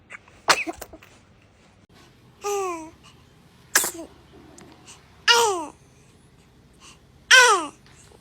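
An infant gives about five quick sneezes, some sharp bursts and some ending in a high squeaky voice falling in pitch: ordinary baby sneezing.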